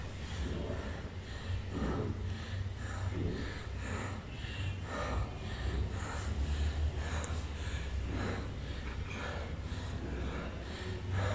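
Soft, rhythmic breath sounds through a stethoscope over the front of the chest, with steady low hum; normal breathing.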